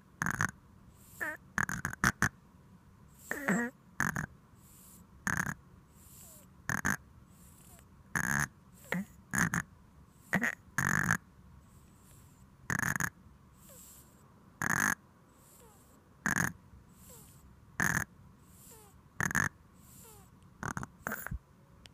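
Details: A sleeping dog on its first night snores in short, snorty bursts repeating about every one and a half seconds.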